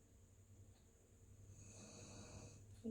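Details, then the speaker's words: A dog sleeping in the background of a quiet room snoring: a soft, low rumbling snore rising into a single drawn-out breath. "can hear my dog snoring in the background. It's not me."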